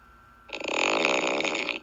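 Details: A single short, buzzing, rattling breath lasting about a second with a nasal, throaty vibration during sleep; snoring.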